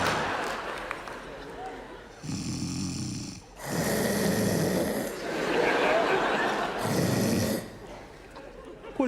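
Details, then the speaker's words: Woman imitating loud, rough, rattling snores in long drawn-out bursts in a comedy sketch before an audience; partner complains she snores and keeps him awake, she insists princesses don't snore; simulated snoring. "ты ты Что храпишь Что ли кто я Ну не я же"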